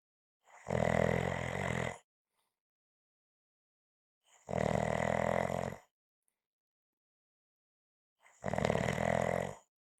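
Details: Loud snoring during sleep: three long, rough, rumbling breath sounds separated by quiet pauses.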